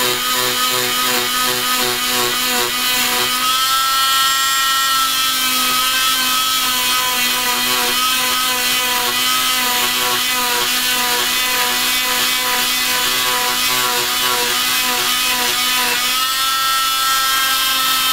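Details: Cast removal after bilateral fibular fractures: a steady high-pitched buzzing whine of an oscillating cast saw cutting through the cast, with slight shifts in pitch as it bites.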